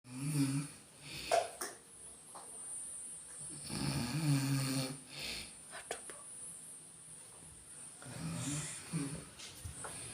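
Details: Person asked to watch a child who fell asleep: irregular low rattling snores roughly every few seconds, with some background noise; snoring.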